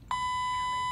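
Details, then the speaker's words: A steady, piercing electronic alarm sounds continuously from a bedside device connected to the arm of a hospital patient after foot surgery. It has been beeping for half an hour with no nurse responding; medical device alarm. "This damn thing has been beeping for a friggin' half an hour. I hit the nurse button. There's no nurse. It's constantly beeping."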